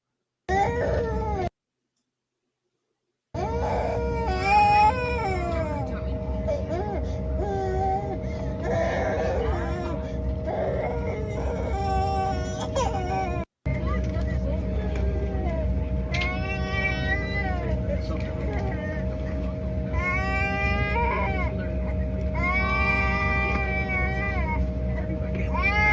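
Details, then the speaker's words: Infant on a plane cries in repeated loud, wailing bursts over a steady low cabin hum. "he keeps making videos of this baby crying and thinks that maybe the parent should do something."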